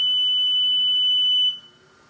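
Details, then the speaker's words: Home oxygen concentrator switched on with its front on/off switch: a steady, high-pitched electronic beep lasting about a second and a half, the power-on alarm. "the concentrator like this one has an on off switch located right here in front when i depress the on and off switch you'll hear an alarm when i turn it on"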